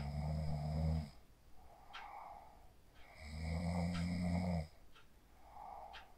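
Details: Person asleep after practicing 4-7-8 breathing (inhale 4, hold 7, exhale 8), recorded on a phone: deep, low rumbling inspiratory snores, two in a few seconds, each followed by a softer breathy exhale.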